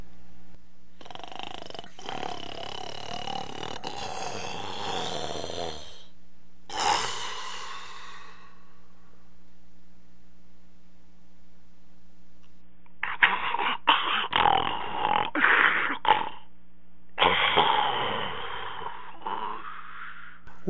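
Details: Simulated snoring by an actor at a romantic dinner: loud rattling snorts during sleep breathing, presented as a symptom of sleep apnea.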